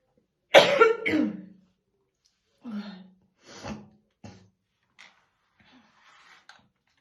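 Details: Real, unacted morning coughing fit of a female smoker brushing her hair: a burst of harsh, deep coughs with throaty clearing, fading into smaller coughs; smoker's cough.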